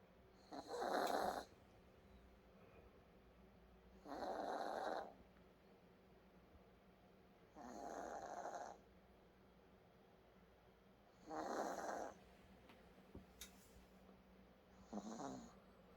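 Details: Snoring sound: five rasping snoring breaths at about 17 per minute in a quiet room, a steady sleep snore.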